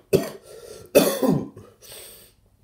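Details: Coughing from a person who is sick with a very bad cough, running nose and rashes.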